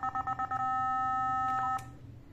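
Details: Nihon Kohden TEC-5631 defibrillator failing its basic defibrillation check because of low power output, tested with an analyzer: set to 50 J it delivered only 42.5 J, then tried at 270 J maximum. Quick beeps, a steady ready tone, then an abrupt discharge click.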